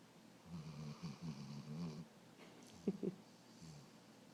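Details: Female Weimaraner asleep on her back on owners' laps: low, rumbling snorts on inspiration with a couple of short snuffles; ordinary snoring, which only happens occasionally.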